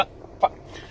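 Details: Adult with Tourette syndrome; throat-clearing-like vocal noise; finding: vocal tic (Tourette syndrome).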